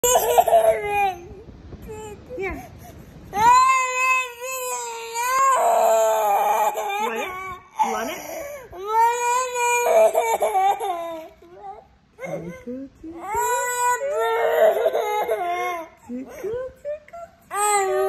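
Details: Infant girl fake-crying, alternating with laughing: drawn-out whiny wails broken by short sobbing breaths, attention-seeking crying rather than distress.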